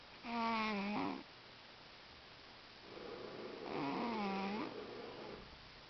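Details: Cat snoring loudly, which the owner says gets even louder: two loud snoring breaths, a rattling nasal inhale then a softer exhale, about ten breaths a minute.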